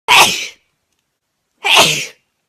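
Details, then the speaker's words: Girl with allergies, frequently sneezing and blowing her nose: two sharp, loud sneezes about a second apart with silence between. "why do you sneeze so much why are you allergic to everything"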